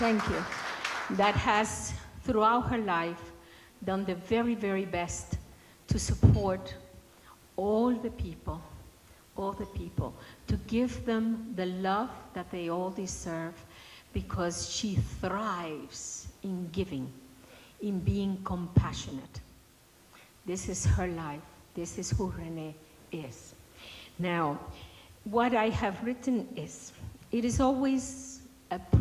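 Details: Adult woman speaking; normal speech.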